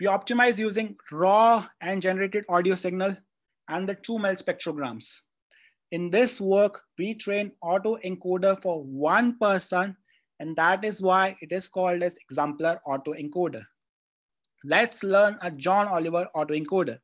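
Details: Adult speaker; ordinary speech.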